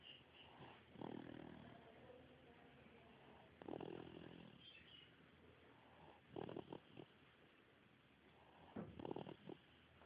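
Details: Sleeping dog snoring: soft, low breaths, about four in ten seconds, some ending in a brief snort, in a quiet room.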